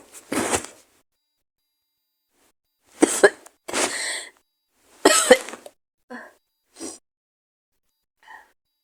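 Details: Several rough, raspy coughs in clusters, then fainter throat sounds, from a person with a cold, sore throat, headache and hoarse voice; coughing during a cold.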